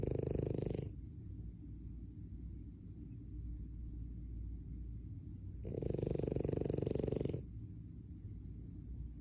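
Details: French Bulldog snoring: two loud, fluttering rattly snores about five seconds apart, with low rumbling breath noise between them.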